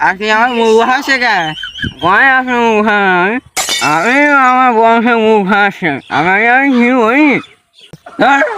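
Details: Stuttering acted for comedic effect in a comedy short about two people who stutter; stuttering (acted).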